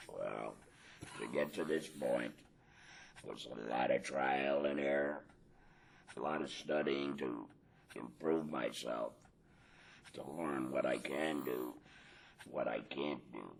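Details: Adult man after total laryngectomy with radical neck dissection, speaking via tracheoesophageal puncture with voice prosthesis; tracheoesophageal speech after total laryngectomy.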